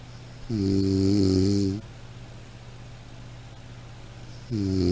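Loud, buzzing, tonal snore lasting over a second, followed by a pause and the start of another; snoring.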